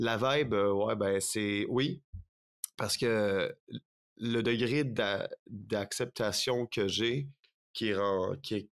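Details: Stuttering in a French-speaking man in his thirties, speaking spontaneously.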